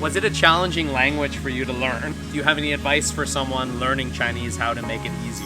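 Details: Adult male speaker (interviewer); normal fluent speech.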